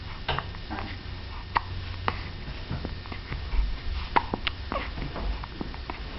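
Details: Mina's hiccups, third bout that day: several sharp, abrupt little gulping clicks at uneven intervals over a quiet room background.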